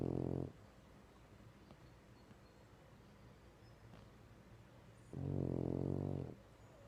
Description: Our sleeping French Bulldog, Clyde, sawing logs.